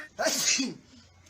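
One sharp, hissy burst after a brief intake of breath, then quiet room noise: a single acted sneeze by an adult.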